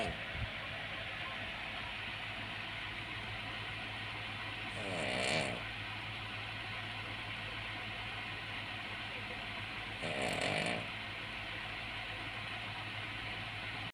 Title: The Snoring Dog😂”Cavalier King Charles Spaniel” sleeping is life Cavee😁🤣😃❤️